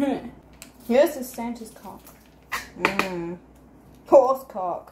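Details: Speaker with Tourette syndrome, recorded while cooking, producing out-of-context words and a swear word followed by an apology; vocal tics (Tourette syndrome).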